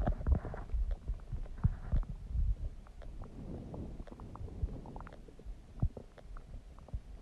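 Low, bubbling gurgles and rumbles come and go irregularly; ordinary stomach gurgling from bowel movement.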